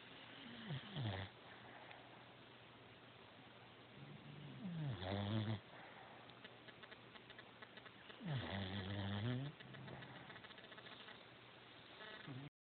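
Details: Rosie snoring during sleep: soft, regular snores of rising and falling pitch, about 15 a minute, over faint background hiss; ordinary sleep snoring.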